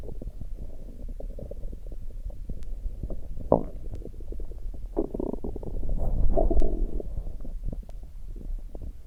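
Continuous low gurgling and rumbling with bubbly swells. Normal stomach growling.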